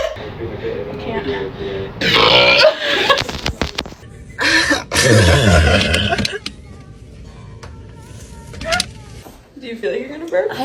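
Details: Failed Sprite-drinking challenge: several loud, drawn-out belches after drinking soda, with talk, laughter and music in the background; burping.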